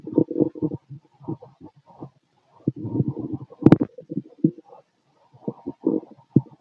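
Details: Stethoscope auscultation of the abdomen: irregular gurgling and rumbling bursts, growling stomach, typical active bowel sounds (borborygmi).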